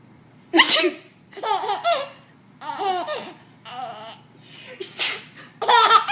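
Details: Deliberate, on-purpose sneezing by an adult woman: a few sharp, explosive bursts mixed with the hearty laughter of a 4-month-old baby boy.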